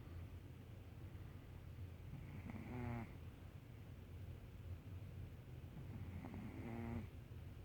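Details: A sleeping cat gives two rattling, buzzy snores on inspiration about four seconds apart, over a low steady room hum. Cat snoring.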